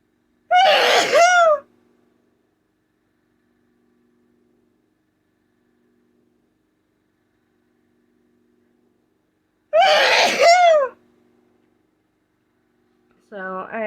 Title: Desperate messy sneezes while talking